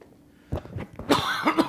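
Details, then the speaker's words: Adult man coughing during a lecture, who says he has COVID: a quiet lead-in, then a short throaty burst and two stronger, harsh coughs in a small room. "so if I sound a little horse or coughing or whatever that's why"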